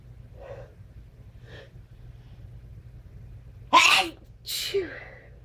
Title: Strong sneezes